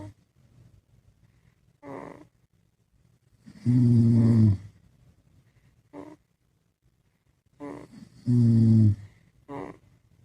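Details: Dad sleeping beside his baby: loud, deep rumbling adult snores with short softer snorts between, about four breaths; ordinary sleep snoring.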